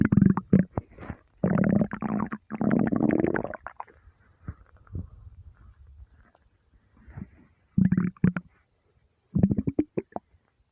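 Deep, long gurgling rumbles in bursts with quiet gaps; normal stomach rumbling from an empty stomach.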